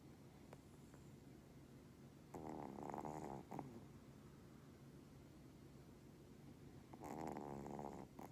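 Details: Two drawn-out, rattling, human-like snores on breaths about five seconds apart, with quiet room noise between, from a sleeping Pomeranian dog; snoring.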